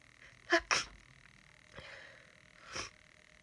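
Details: Person sick with a cold: a quick double sneeze, then a sniff and a softer breathy burst, amid sneezing fits, sniffing and nose blowing.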